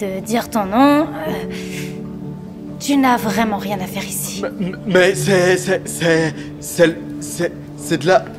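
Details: Young man who stutters, speaking to a woman at a speed-dating event in a film excerpt; reportedly struggles most with starting conversations and in emotional situations; finding: stuttering.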